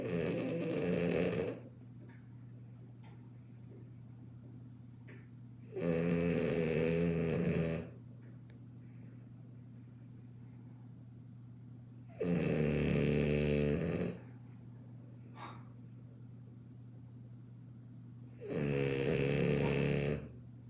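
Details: One-year-old French bulldog asleep: four loud, rattling snores about six seconds apart, roughly 10 a minute, with quiet breathing between; ordinary snoring in a flat-faced dog.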